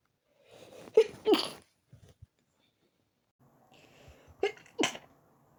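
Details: Morning sneezing attack just after waking: two pairs of sharp, explosive sneezes, each preceded by a quick intake of breath, with a short pause between pairs.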